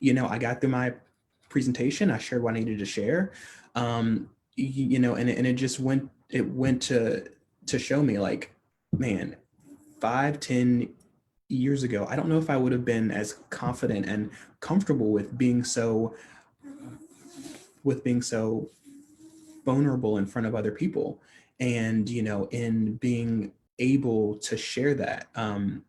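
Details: Adult man who stutters, speaking in a real, unscripted conversation: stuttering.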